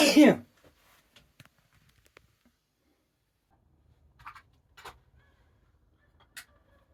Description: Sneezing while dusting my bedroom. Dust allergies coming out.